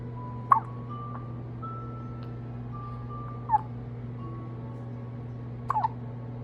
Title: Baby hiccups 🤭 March 25, 2024